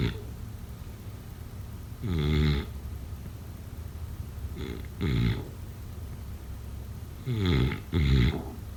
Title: Snoring sounds … #7